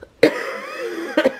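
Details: Ordinary cough during a morning family vlog: a single short cough burst with a trailing voiced sound, then a second brief cough-like burst.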